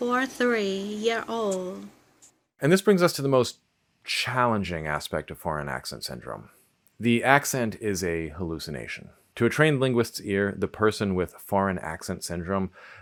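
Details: Adult male narrator; ordinary speech.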